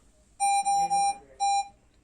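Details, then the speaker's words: Pulse oximeter alarm: three sharp high tones, then a fourth after a pause, as a special-needs daughter's oxygen saturation drops to 91% after suctioning. The alarm sounds below 93%. "it starts beeping at us below 93. we always give her oxygen if she goes below 93 and right now it's 92."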